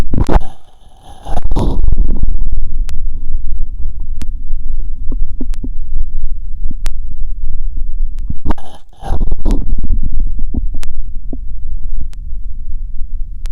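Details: Abdominal auscultation with an electronic stethoscope wired through a 3.5 mm mini-jack; low rumbling sounds with scattered brief clicks and gurgles. Normal bowel sounds.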